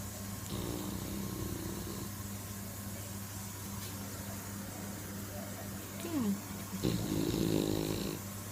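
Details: Staffordshire bull terrier snoring during sleep: rough, rattling snores on each breath over a steady low household hum.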